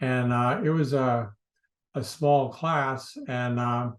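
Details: Adult man, a speech pathologist, who stuttered severely in the past; his past treatments included voluntary stuttering and prolonged speech therapy.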